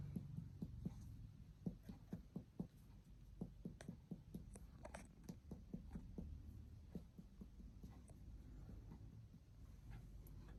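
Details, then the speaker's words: A 30-year-old male patient has his abdomen percussed from the umbilicus toward the right lateral flank to test for shifting dullness; the note stays tympanic without turning dull, showing no fluid or ascites. "Hai baik pada pasien tidak ditemukan adanya penumpukan cairan ataupun juga asites Namun apabila pada kasus terdapat ada asites itu akan terjadi perubahan suara yaitu pada dari timpani hingga menjadi redup"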